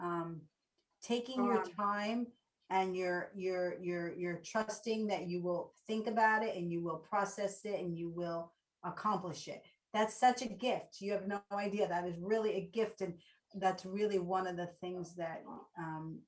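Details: Adult woman speaking; normal speech.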